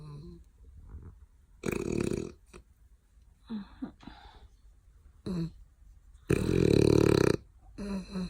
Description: Stitch the frenchie after playtime.. exhausted and filthy straight to bed snoring!!!